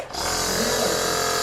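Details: Continuous loud buzzing motor hum of a home nebulizer compressor running during an inhalation treatment.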